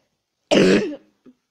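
A single short, harsh cough with a throat-clearing quality, then a brief faint sound, in a quiet room.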